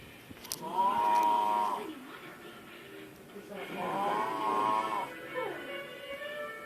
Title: I caught this bitch snoring like a chainsaw